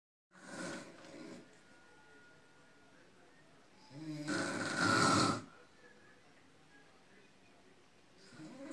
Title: Grandma snoring